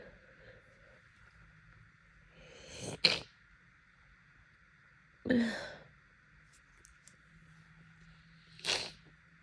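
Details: Allergic sneezing fits, nightly for the past week and lasting hours until Benadryl is taken: three sneezes, each preceded by a rising, gasping buildup breath, amid quiet room hum; itchy, repeated "I'm going to sneeze" buildups.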